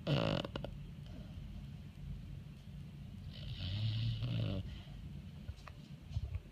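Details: Senior foster Beagle snoring: low, rumbling snoring breath with a brief louder snort near the middle and faint room noise.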